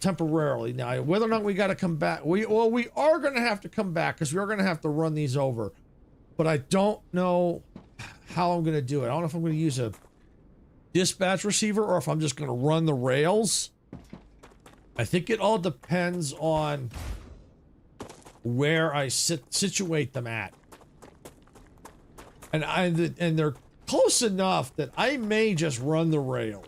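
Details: Adult male with a natural childhood-onset stutter that went away and is now returning as he gets older, triggered by surprises such as autosaves or typos; stuttering.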